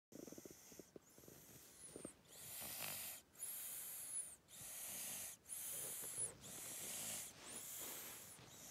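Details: Steady, rapid rhythm of rough, noisy breaths with faint whistling at the peaks from a sleeping animal: snoring.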